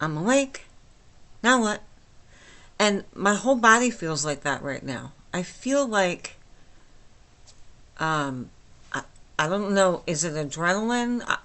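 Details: Flaccid dysarthria from myasthenia gravis since age 8 in a 49-year-old woman, speaking without her usual speech appliance, about two weeks after finishing Rituxan treatment; she says she is understandable but not perfectly.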